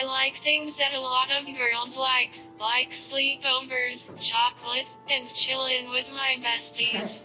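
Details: Child's speech-generating device (AAC); synthesized speech from a speech-generating device.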